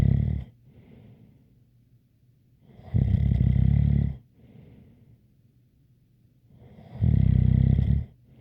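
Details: Loud rattling snores on each in-breath, about 15 breaths a minute, with a faint light whistle on the quieter out-breaths.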